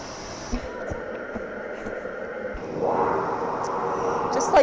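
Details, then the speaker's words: Mechanical insufflation-exsufflation (cough assist) device used by a C5 quadriplegic after an accident who cannot cough productively: quiet machine hum after the therapy button is pressed, then a loud forceful rush of air blown into the lungs before it pulls air back out. "It blows air into my lungs, for a few seconds, and then it pulls out. So it pulls out anything that is in my lungs and it is such a godsend."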